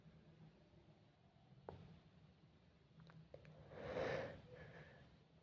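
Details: A few faint sniffs in a quiet room, then a single soft sneeze-like burst of breath; sneeze.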